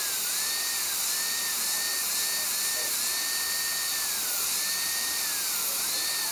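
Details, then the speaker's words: Dental high-speed handpiece cutting tooth #9 during an all-ceramic crown prep: steady high-pitched turbine whine dipping and recovering as the bur meets the tooth, faint hiss; the operator suspects the turbine is starting to fail. "that turbine almost sounds like it's starting to go on this hand piece we'll see here"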